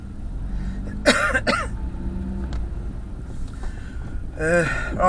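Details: Adult man, possibly asthmatic, with an ongoing cough: two harsh, voiced coughs, then another cough burst, over steady traffic-like rumble; recurring cough.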